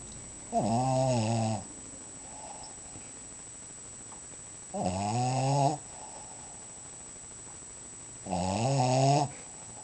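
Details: Dog snoring in sleep: three loud, rumbling, vibrating snores about four seconds apart, roughly 17 a minute, with quiet breathing between.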